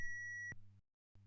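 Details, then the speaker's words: AED on an Ambu mannequin in a CPR/AED training demonstration, simulated: after the prompts "stand clear, deliver shock now, press the orange button now", a steady high electronic tone ends abruptly with a short burst, then a low hum; shock delivery tone. "stand clear deliver shock now stand clear press the orange button now"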